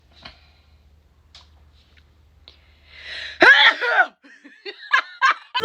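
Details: Person trying to sneeze with eyes open: a loud, forceful sneeze with a sharp in-breath burst, followed by laughter; sneezing.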